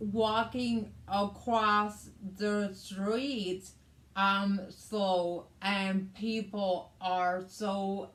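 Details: Adult woman with aphasia after a hemorrhagic stroke on May 19th 2020, with right-sided hemiparesis, brain surgery and an ICU stay; her aphasia also affects reading and writing.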